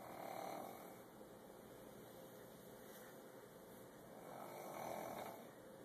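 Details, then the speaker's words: Loud snoring during sleep: two soft, drawn-out rumbling breaths about four seconds apart over steady room noise, likened to a whale. "nice loud noise? Noise. Do you hear snoring?"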